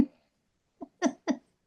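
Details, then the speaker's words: Sleeping dog whose owner suspects sleep apnea, noting she sometimes stops breathing: a snort, brief silence, then resumed cluster of rough snoring snorts. "Sometimes she stops and I'm like, is she gonna start again? Is that gonna continue?"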